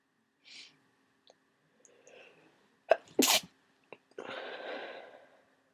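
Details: A short breath in, then a sharp explosive sneeze and trailing breathy exhale from an adult with a cold who has become sneezier and started coughing over the day.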